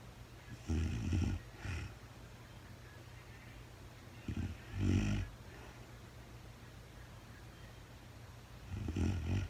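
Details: Adult woman recorded in real time during overnight sleep after being very tired: low rattling snores on breathing in, some in two parts, roughly 15 a minute and somewhat irregular; snoring.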